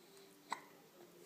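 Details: One sharp, brief squeaky 'hic' from a young child with the hiccups in a quiet room.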